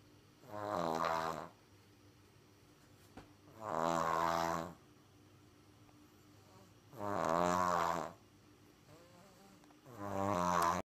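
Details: Loud, rattling snores about every three and a half seconds, roughly 17 breaths a minute, with quiet gaps, from a person who is sick; snoring.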